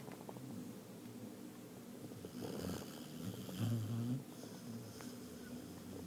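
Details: Soft, low rattling snores rising with the breaths over steady room noise, from Damian, a spoiled "baby" asleep; snoring.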